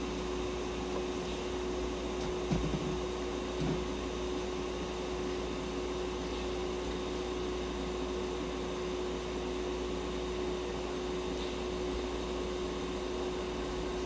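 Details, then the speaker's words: Budgerigar (Purin) in veterinary ICU receiving oxygen therapy: sound of the oxygen therapy incubator running. "ICU 内で包括して酸素療法を行っています。"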